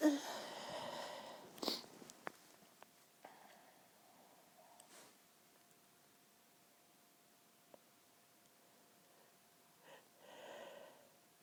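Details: Short muffled bursts of held-in sneezes with quiet stretches and soft sniffing or breathy build-up: allergy-related stifled sneezing from a sensitive, tickling nose.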